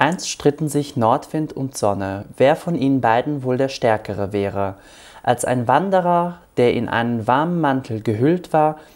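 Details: Pre-operative voice of a transgender woman before voice feminization surgery (glottoplasty), reading the German standard passage "Nordwind und Sonne"; pre-operative voice before glottoplasty.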